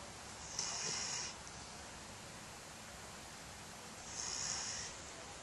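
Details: Dog sleeping at 3 a.m.: two airy, whistling nasal snores about three and a half seconds apart over background hiss; ordinary sleep snoring.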